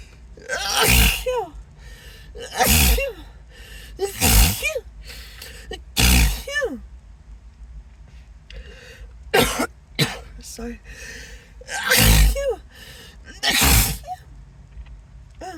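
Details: Acted, announced sneezing fit as it is slowing down; the speaker apologises, says the nose is irritated and suspects an allergy: a series of about eight loud sneezes, each with a rising breath-in before it, over background music.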